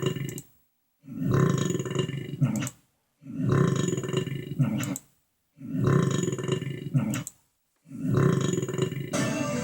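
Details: Big burps: four long, deep, rumbling belches with pauses between them; burping.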